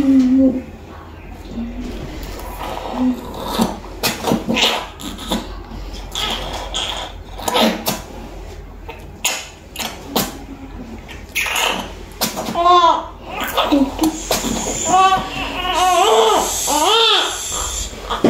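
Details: Newborn's first cries right after a normal vaginal delivery: short, shrill, wavering cries growing stronger amid room noise and talk in the delivery room.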